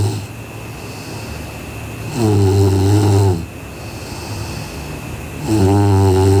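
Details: Sleeping girl snoring: two loud, deep buzzing inhalation snores separated by quieter exhalations, in a quiet room.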